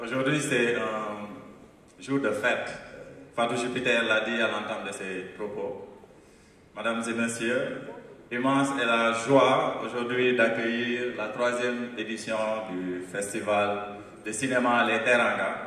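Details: Adult man speaking; normal voice.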